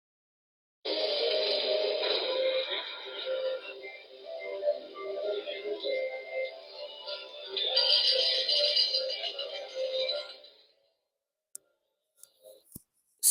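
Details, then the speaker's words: Simulated mixed-type tinnitus: layered high tinkling bell-like tones, hissing noise and shrill screeching; described as possibly related to ototoxic medications or prior chemotherapy. "Este es un sonido combinado entre campanitas entre ruidos entre gritos este sonido combinado puede estar relacionado con medicamentos que hay medicamentos que llamamos ototóxicos"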